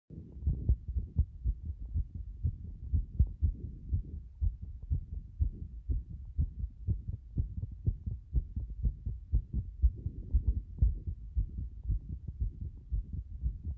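Fast, muffled heart sounds at about 120 beats a minute, somewhat uneven in loudness; a rapid heartbeat.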